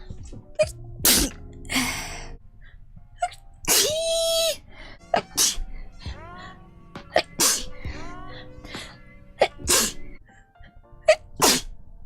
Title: Twitch Girl Sneezing